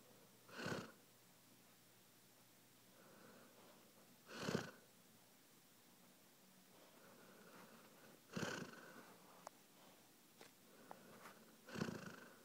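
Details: A man snoring shortly before his death, Nov 2011: short, rattling snores about every four seconds, roughly 15 a minute, with soft breathing between; snoring.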